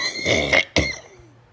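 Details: One harsh, explosive adult cough after a rough noisy burst, heard through a phone line during a call.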